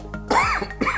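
A single short cough or throat clear from an adult man, over steady background music.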